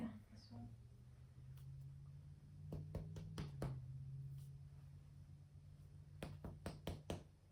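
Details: Resonant lung percussion note.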